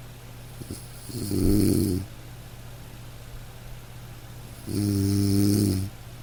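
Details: Sleep snoring from a household snorer: two loud, buzzing snores a few seconds apart, one rougher and one more tonal, over faint room noise.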